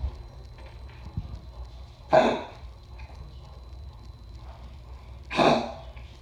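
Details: Sick dog with congestive heart failure coughing: two short, harsh cough bursts a few seconds apart.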